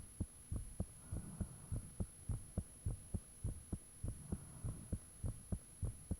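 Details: Own heartbeat recorded with the fan off, shortly after the heart began feeling really thumpy: clear, steady, loud thumping about 100/min with a faint steady hum behind; valves said audible at times; heartbeat.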